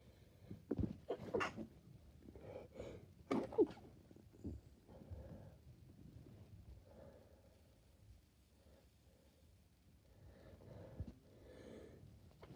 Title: Lots of messy sneezes